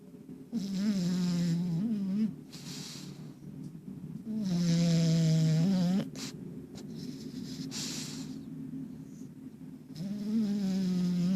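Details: Loud, low, rumbling snores on the in-breath, about three breaths in eleven seconds, with quieter out-breaths between; ordinary snoring.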